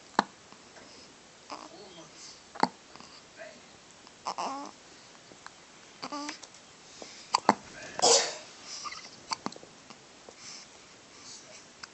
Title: Cutest Hiccups Ever